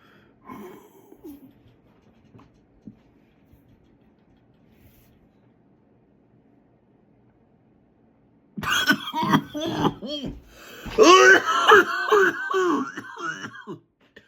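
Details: Adult attempting a no-cough challenge in a garden: after a quiet stretch, a run of short, voiced coughs mixed with throat clearing.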